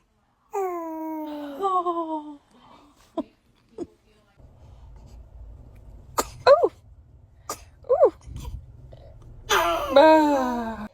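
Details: Newborn baby's short cries and fussing at the start and end, with soft background music between; the caregiver wonders aloud whether the baby was about to sneeze. Infant cry.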